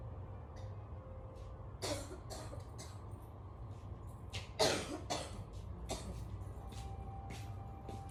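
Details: A girl with bronchitis gives a series of short coughs, with one louder burst midway, over a steady low hum.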